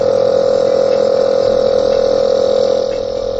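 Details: Nebulizer compressor with a medication chamber running during a treatment: a steady, loud mechanical hum with a fast, even buzzing pulse.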